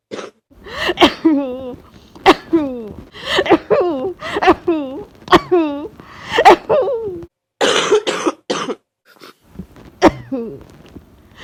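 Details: Person with influenza A confirmed by swab, with body aches, high fever, runny nose and congestion: repeated harsh, voiced congested coughs, around ten bursts, some followed by a groan, with a sniff near the end; cough.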